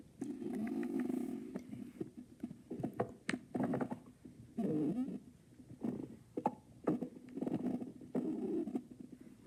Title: Bambi dad stomach growling and bambi listening to it